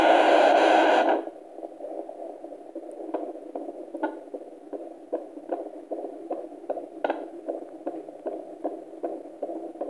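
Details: Fetal heartbeat on Doppler at 26 weeks 5 days of pregnancy: rapid, regular beats at about 150 beats a minute through whooshing background.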